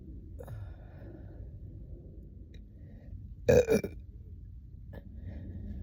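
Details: Deep burping montage: one loud, deep burp of about half a second, with a faint earlier burp-like sound and a small click, over quiet room noise.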